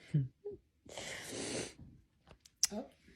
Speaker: i sneezed finally i was just laying in bed and i just let out a sneeze i had my window open beside me so that's what probably made me sneeze